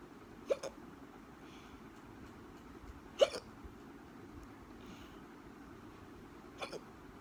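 Three sharp, abrupt hiccups a few seconds apart against quiet room noise.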